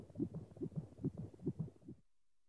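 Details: Fetal heartbeat sound effect from a hospital sound-effects set.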